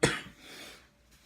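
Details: Adult woman with a cold and chills: one sharp, harsh cough burst fading into a brief breathy tail.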